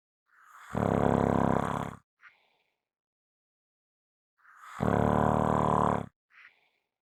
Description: This is a 5 minute clip of snoring.